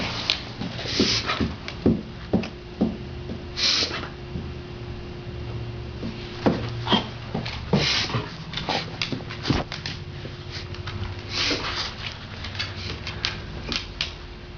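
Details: A dog makes repeated sharp snorting noises over a steady indoor hum: a reverse sneeze episode.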